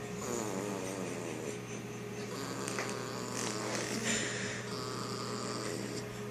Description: It's a cute, five week old, snoring German Shepherd puppy.